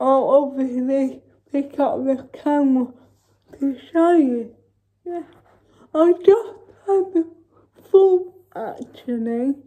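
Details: Dysarthric speech from cerebral palsy in a woman, recorded while she talks through her daily routine during quarantine.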